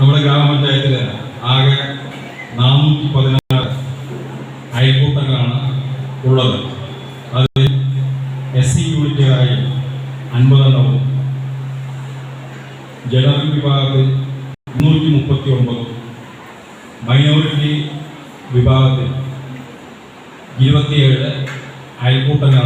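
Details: Person who stammers speaking Malayalam on stage after speech therapy, using a pausing speech technique; stuttering managed with pausing speech technique.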